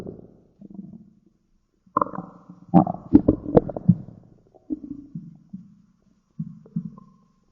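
Low gurgling rumbles in irregular bursts with brief squeaky runs and quiet gaps; ordinary stomach growling, normal bowel sounds.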